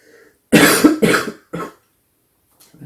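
Three short, harsh cough bursts from an adult, the last one weaker, in a quiet room.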